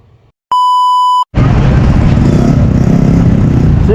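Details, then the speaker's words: Pure-tone audiometry hearing test, right ear tested first, patient told to press the button on hearing any tone, soft or loud: a steady clear beep under a second, then loud rushing noise. "Once may marinig ka pong tunog, mahina man or malakas, pindot po kayo."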